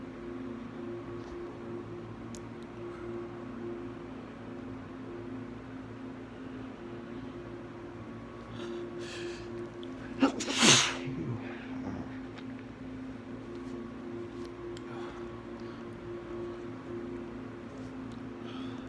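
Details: Single sharp sneeze into a handkerchief during spring allergies, after a comment on strong perfume, against steady room hum.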